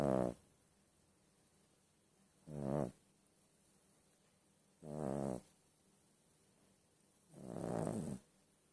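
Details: A 12-year-old Yorkshire terrier snoring: regular vibrating snores on each breath, about 23 breaths a minute, with quiet gaps between.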